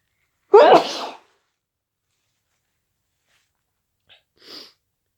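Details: Induced hay fever sneezing: one loud voiced sneeze followed a few seconds later by a softer sneeze-like exhalation.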